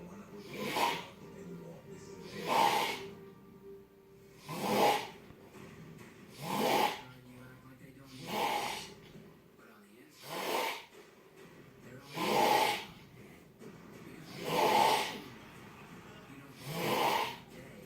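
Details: Loud, regular snorting snores at about 28 a minute, each a harsh rasping breath with quieter gaps between, likened to a sump pump: heavy snoring.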